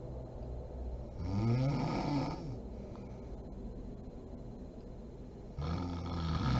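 Loud, rumbling snores on the in-breath, separated by quieter pauses, with room noise. Snoring during sleep.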